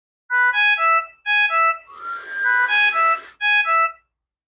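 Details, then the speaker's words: Ventilator circuit disconnect alarm, sounding when the patient is not connected or a large leak is present: repeating groups of falling electronic tones. "you will encounter this alarm when the patient is not connected to the ventilator or there is a large leak present"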